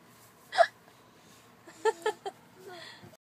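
A few brief, sharp voiced catches in quiet, irregular and short; consistent with hiccups.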